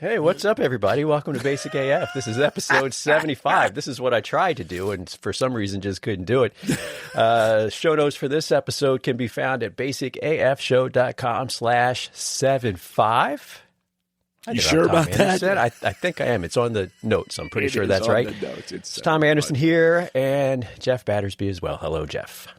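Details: Adult men talking, podcast-style recording; normal conversational speech.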